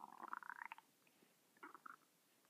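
Two short bursts of bubbling, gurgling stomach rumbles with a quiet pause between them.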